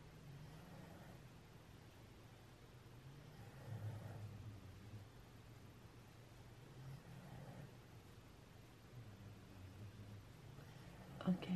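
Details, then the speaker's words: Sleeping pet dog snoring in the background of a room recording: faint, low rumbling snores about every three seconds over quiet room noise. "so that's my dog snoring in the background if you can hear"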